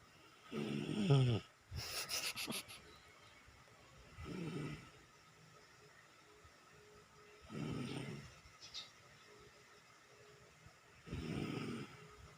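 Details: Baby snoring while drooling: soft, low snoring breaths about every three to four seconds in a quiet room; infant snoring.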